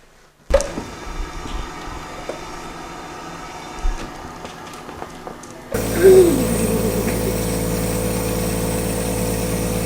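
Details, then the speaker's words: Steady low mechanical hum with rapid pulsing from an airway clearance vest machine worn by a 10-year-old girl with cystic fibrosis, a 30-minute morning session in 10-minute intervals with nebulizer medication. "gets on her vest her vest is with the machine we put her on the vest um which takes a half hour"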